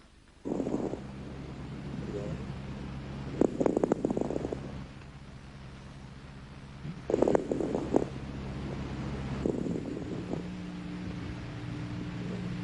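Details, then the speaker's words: Velcro-type crackles: repeated bursts of fine, dry crepitant crackling with each deep breath in, about 19 breaths a minute, crackles of alveolar reopening (estertores de despegamiento) as the patient breathes deeply. "respire hondo cuando el paciente ha logrado despegar los alveolos los estertores este tipo de estertor crepitante despegamiento"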